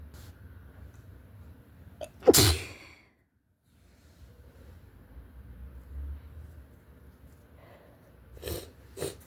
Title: REALLY SICK FLU SNEEZES, Strong, spray, sniffling, something at the end 🤧